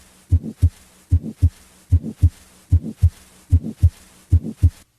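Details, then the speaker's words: Grade 2/6 heart murmur: regular heartbeat about 75 a minute, with a quiet murmur between the heart sounds that is heard immediately when the stethoscope is placed on the chest. "a grade-two murmur is quiet but heard immediately after placing the stethoscope on the chest"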